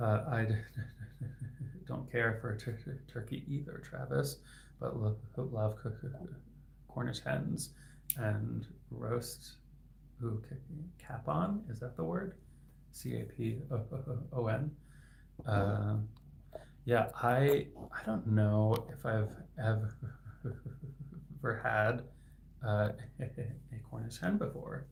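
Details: Adult male licensed speech-language pathologist who has stuttered since age 8-9 (third grade); variable stuttering with sound repetitions and hard blocks lasting 10-20 seconds; finding: stuttering.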